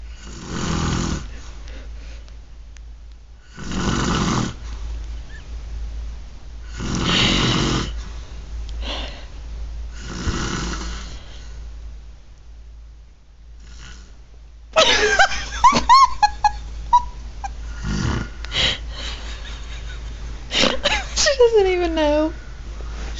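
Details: Loud, rough snoring from a sleeping mother, repeating at an even pace of about 18 snores per minute.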